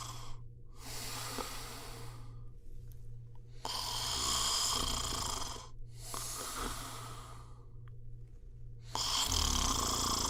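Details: Snoring: slow, rough, noisy breaths in and out, about 11 a minute, with a steady low hum in the background.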